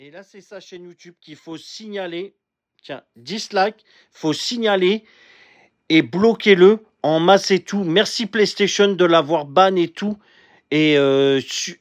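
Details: Adult speaker; typical voice.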